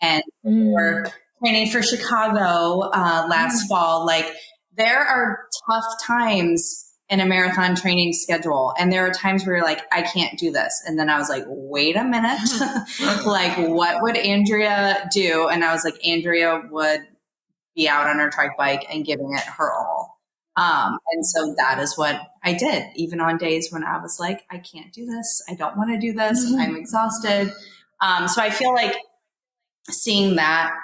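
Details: Adult woman speaking; normal speech.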